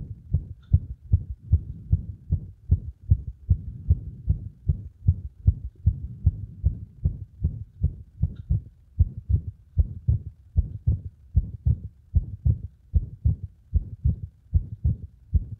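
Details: Heart sounds with frequent arrhythmias caused by compression of the heart; low thumps about 76 a minute with uneven spacing and frequent out-of-step extra beats; irregular rhythm.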